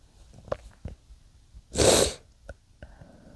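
Several tiny muffled sneezes and one louder hissing burst from a small animal.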